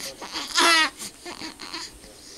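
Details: 5-week-old baby boy with repeated sneezing gives a brief high-pitched cry followed by softer whimpering vocal sounds; infant cry.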